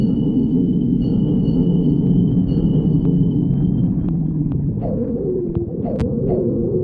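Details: Stomach growling (borborygmi).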